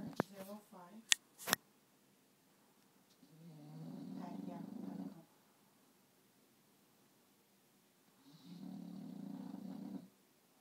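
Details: English bulldog snoring during a nap: long, low rumbling snores with a rattling flutter on each breath, two in about ten seconds, after a few brief squeaks at the start.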